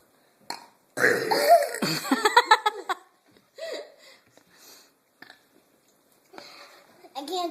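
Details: Burping: a long, loud, voiced burp followed by shorter burps and brief giggling, from young girls burping for fun with cousins after drinking.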